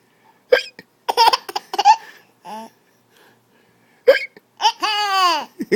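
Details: Father's hiccups: a few sudden, sharp adult hiccup sounds, with a young child's bright laughter in between.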